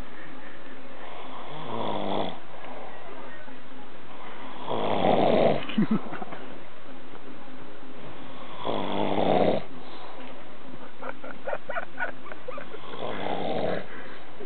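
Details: Loud, rough, fluttering snores roughly every four seconds, about 15 breaths a minute, with a rattling quality: heavy snoring.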